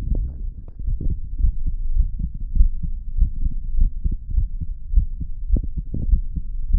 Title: Listening to my heart beat